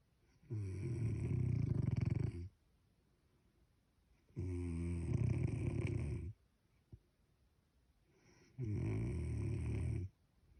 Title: Snoring sound